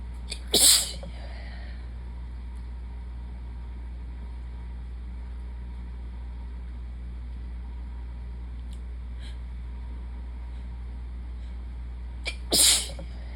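Two sharp, explosive sneezes about twelve seconds apart over a steady low hum.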